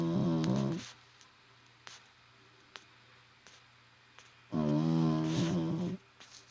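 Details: An 18-year-old pet snoring while asleep: two loud, rattling snores with a quiet pause between them.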